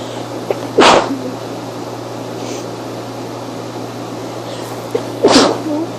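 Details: Mini sneeze attack: two short, sharp sneezes about four seconds apart over steady background hum.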